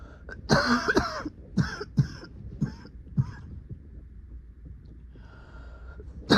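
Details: An adult with coughing fits in the middle of the night gives a run of harsh, wet-sounding coughs, about five bursts in quick succession: a nocturnal coughing fit.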